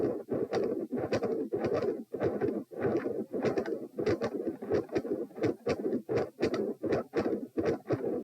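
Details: Heart sounds recorded at position p, lying down, during a Valsalva maneuver: rhythmic heart sounds at about 82 beats a minute while straining.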